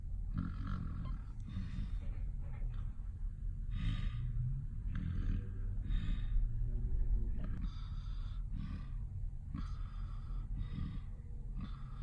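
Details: Sleeping mother and sister, who deny snoring, snoring: rough, rattling snores on repeated breaths under a low rumbling background.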